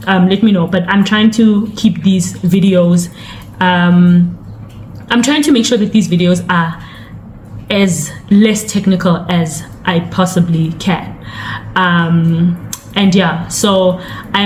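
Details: Adult woman narrator; ordinary speech.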